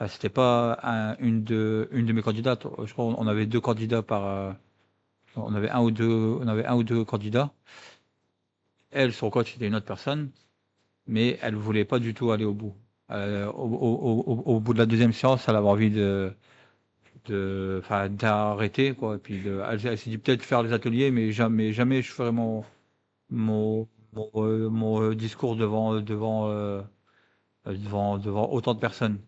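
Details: Adult who stutters, speaking French, former eloquence-contest candidate and later coach and co-organiser; stuttering.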